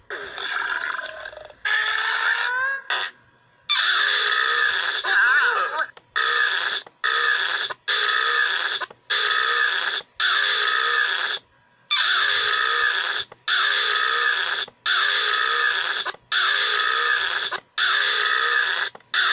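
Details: A long series of about fifteen loud, drawn-out voiced burps with short pauses between them; burping.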